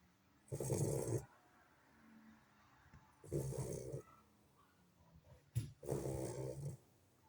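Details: Sleeping Lagotto puppy after extensive play with siblings: three soft, rumbling snores in a quiet room, about 23 breaths a minute; ordinary snoring.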